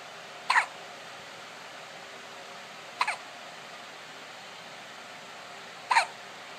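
Three short, sharp hiccup sounds at regular intervals of about three seconds against a quiet, steady hiss.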